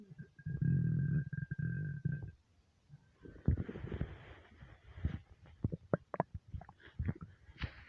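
Low gurgling rumble, then scattered bubbling and popping gut noises in a quiet room; hunger-related stomach rumbling, a normal finding.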